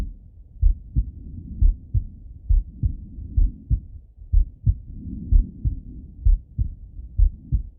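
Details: Male adult self-auscultating his own heart with a stethoscope while falling asleep: regular lub-dub at about 64 beats a minute, soft background rustle, calm steady resting rhythm; normal heart sounds.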